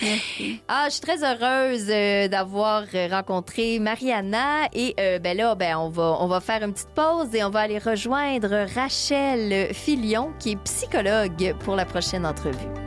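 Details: Adult woman speaking French; typical speech.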